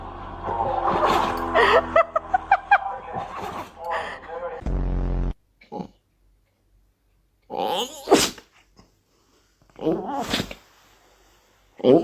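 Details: Dogs sneezing in a funny clip: after human voices and music, several short, sharp, explosive sneezes with quiet gaps between them.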